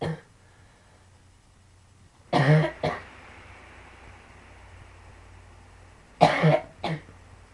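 Two bouts of harsh coughing, each a strong burst followed by a shorter one, in a quiet room; cough from lung sarcoidosis.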